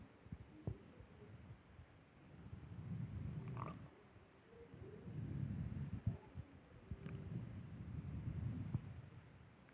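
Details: Ordinary stomach growling (borborygmi) that happens during the period: low, irregular gurgling and rumbling with a few higher squeaks over a quiet hiss.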